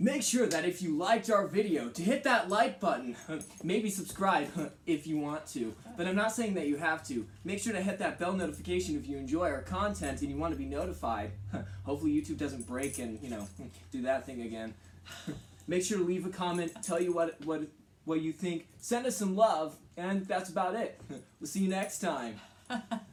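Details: Adult speaker; normal speech.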